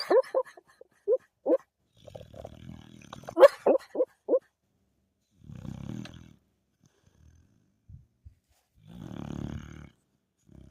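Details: Dog snoring during sleep.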